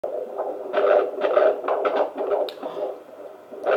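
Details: Fetal heartbeat at 28 weeks of pregnancy on a midwife's Doppler, female baby: rhythmic whooshing pulses, unclear, uneven and fading as the baby kept moving away from the probe.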